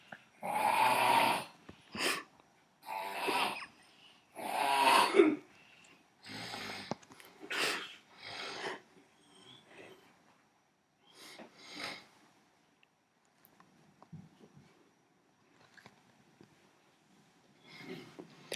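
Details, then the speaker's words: Man snoring extremely loudly: rough, rattling snores, about 15 a minute, fading to softer breaths later; heavy snoring. "I've never heard anybody snore the way this man's North that's not a man that's an extraterrestrial Beast that's an Intergalactic story"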